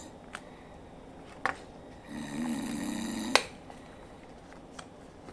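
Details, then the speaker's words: A single rough, droning snore of about a second, played back from a device in a quiet small room while testing ear muffs, with scattered clicks before and after; snoring. "it shuts off the noise uh however I can still hear the snoring"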